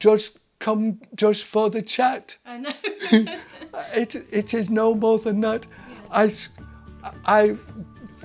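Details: Adult man attending an aphasia centre for several months; he could not speak at first and his speech gradually improved; aphasia.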